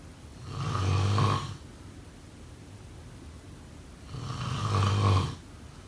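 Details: Two deep, rumbling snores about four seconds apart, roughly 15 breaths a minute, with quiet breathing between them: snoring during sleep.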